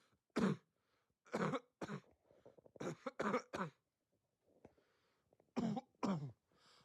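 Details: About eight harsh, deep cough bursts in pairs and a triplet, with a barking, seal-like quality; barking cough.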